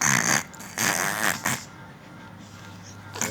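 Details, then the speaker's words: A young girl pretending to snore while feigning sleep: a few loud, rough snorting inhalations, an acted imitation rather than true sleep snoring. "নাক ডাকে কে বাবা? আম্মু কি করছো ঘুমের মধ্যে? নাক ডাকতেছি। নাক ডাকছো?"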